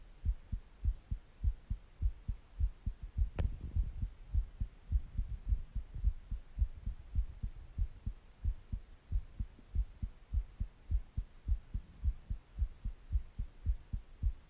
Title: Heartbeat Sounds And Breathing Sounds